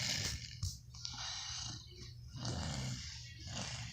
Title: A snoring friend